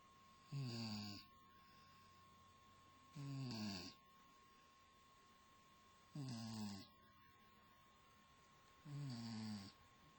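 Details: Luna, 4 months old, sleeping: four regular low rattling snores, roughly 20 breaths a minute, with steady background hum; ordinary snoring.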